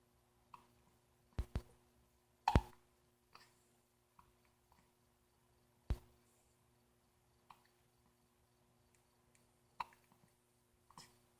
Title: Stinkin' hiccups! 10/22 9wks old